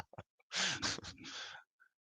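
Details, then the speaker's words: A dog lying below the owner snoring loudly: a single loud, rough, noisy breath lasting about a second, with a low fluttering rumble, in a quiet room. "I don't know if you can hear my dog snoring down below me he's just being super loud"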